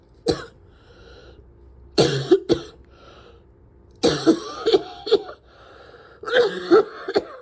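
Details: Repeated harsh coughs in clusters, about a dozen bursts with strained breaths between; a persistent coughing fit where the person can hardly take a breath without coughing for five minutes afterwards.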